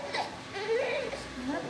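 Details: Newborn just after birth in a maternity ward, during the first tests: brief, thin, wavering cry with whimpering quality, soft room noise behind; normal newborn cry.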